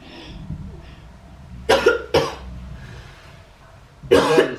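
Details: Three harsh cough bursts with quiet breathing between them, faked by a wife as a prank on her husband, pretending to cough up blood: acted cough.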